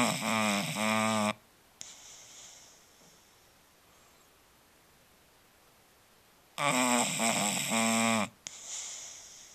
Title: Marshall the Bulldog snoring